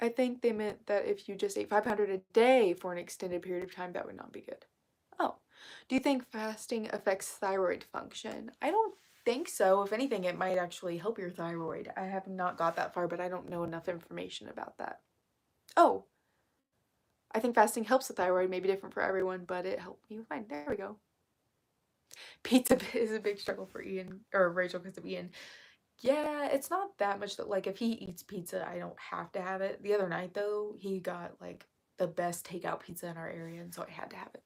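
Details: Woman with self-reported vocal fry, which she says is currently really bad and attributes to speaking quietly; vocal fry.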